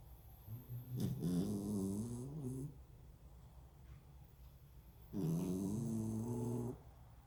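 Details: Sleeping dog lying on its back in a friend's bed: two drawn-out, groaning, slightly whiny snores with quiet breathing between; loud snoring.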